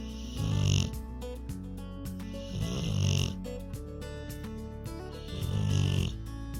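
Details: Rottweiler relaxing on a couch, recorded in real time while snoring continuously for about four minutes: loud, deep, rumbling snores, three in about six seconds, over background music; dog snoring.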